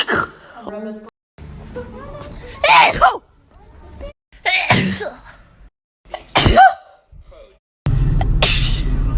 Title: hella funny sneezing compilation